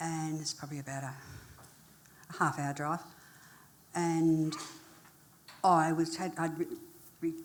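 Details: Adult woman who had a major stroke in 1991 at age 40 and left hospital able to say about six words, with poor reading and writing; speech has improved since, with some residual difficulty; residual aphasia after stroke.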